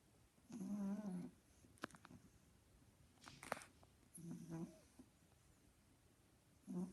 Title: Pug snoring loudly |sleeping pug |mickey the pug